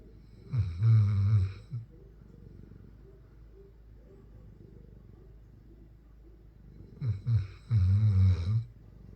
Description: Loudly snoring dog loudly snoring Cane Corso dog